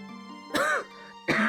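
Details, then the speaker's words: Two short, harsh cough bursts from an adult still congested from an illness, feeling better, coughing while talking over steady background game music. "I'm feeling like better, but again, it's still, as you can hear by my coughing. [cough] I'm still I've still got some kind of congestion going on with this thing."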